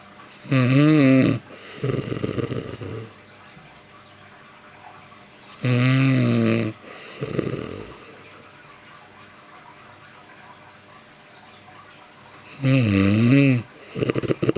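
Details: A woman (a mother-in-law) sleeps and snores "like a motorbike": three loud, rough inspiratory snores, each followed by a softer fluttering exhale, with quiet pauses between breaths. Heavy snoring.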